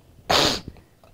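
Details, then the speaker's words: Imitated hawking cough from post-nasal drip: mucus hawked out of the throat, accompanied by a short cough, with hawking more prominent than coughing; throat clearing. "next one is the Hawking cough of stikta and how will you get a Hocking cuff in stickta what happens there's a lot of mucus in the nose"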